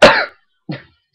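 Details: Two short, loose coughs from an adult with a cold who has just taken medicine, at 1:38 am; the first cough louder and longer.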